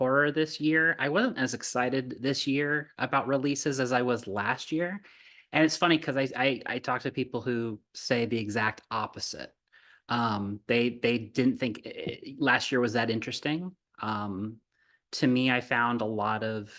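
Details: Adult male speaker; normal voice.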